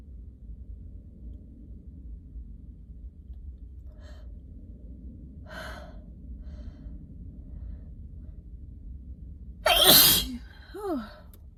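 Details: Crazy strong sneezes during a cold, runny nose, alone in a car and doubled over: after a quiet build-up with faint breaths, one forceful sneeze bursts out, followed by a brief groan.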